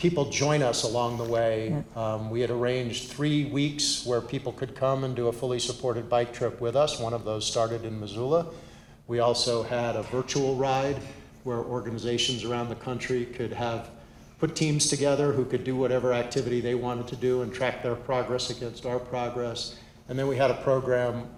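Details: Adult male speaker; Normal speech.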